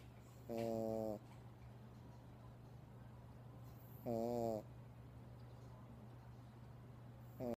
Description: This is my adorable dog, he is snoring in my arms like a baby.